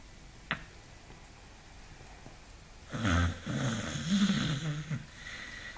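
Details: Sleeping beagle dog snoring louder and longer than the owners had ever heard: a loud, long, rumbling snore with a buzzing, grunting quality after a quiet stretch; heavy snoring during sleep.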